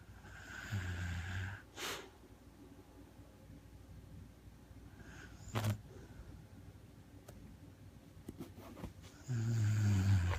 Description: Sadie the snoring Beagle